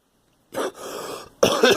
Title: Girl coughing